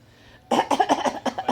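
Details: Young child imitating the mother's cough: a quick run of about six voiced, high-pitched cough sounds copying an adult's cough.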